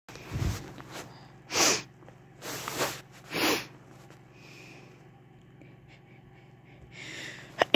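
Several loud snorting, sneeze-like bursts, each under a second, with quiet pauses between, consistent with reverse sneezing.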